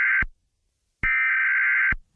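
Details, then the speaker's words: Hospital alarm tone switching on and off abruptly at constant loudness, a flat amplitude envelope, an unnatural attention-grabbing sound that layers into a stressful wall of hospital noise. "a flat amplitude envelope and that's an unnatural sound in our environment the unnatural sound is effective at grabbing our attention"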